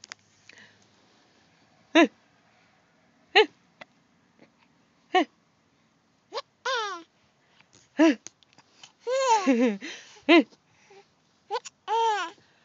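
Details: Sharp, brief hiccups about every one to two seconds mixed with giggles and squeals from a young child who is hiccuping and laughing; hiccups.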